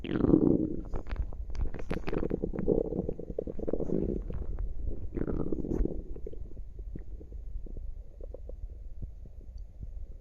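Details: Active tummy: continuous low gurgling and rumbling with bubbling pops throughout; active bowel sounds (borborygmi).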